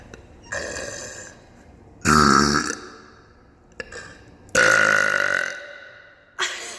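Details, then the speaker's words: Woman deliberately burping in an empty girls' public bathroom at a concert: several loud, drawn-out belches with softer ones between, echoing off the tiled room. "I'm in the girls bathroom I bought the IP so there's literally no one in the bathroom so I'm gonna see sorry for my fans love how the burping acoustics are in here"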